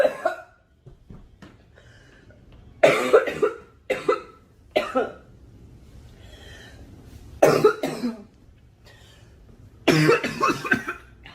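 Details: Young girl coughing: five separate harsh cough bursts with quiet pauses between them.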